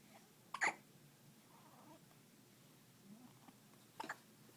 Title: First hiccups